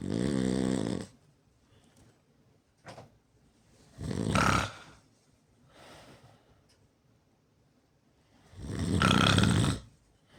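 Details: Self-recorded loud snoring during sleep, with snorts: rough snores on the in-breaths, about three in ten seconds, with quieter breaths between.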